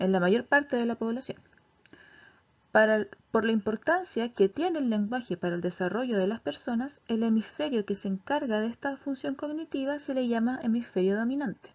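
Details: Adult lecturer; normal speech.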